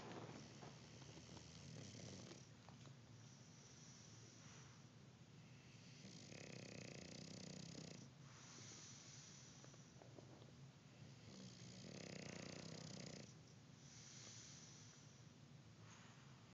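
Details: Snoring during sleep: repeated rough, low breathing noises rising and falling in slow cycles, with a faint purring quality and steady background hum.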